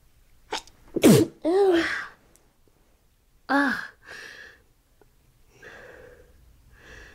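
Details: A sneezing fit on waking: a rapid run of about five sharp sneezes with short in-breaths between; the person says they can't stop sneezing.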